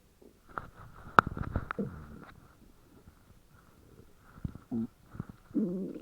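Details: A female friend's very loud stomach growling: bursts of gurgling, squeaky and creaking rumbles with quiet gaps.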